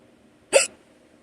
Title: Random morning hiccups - audio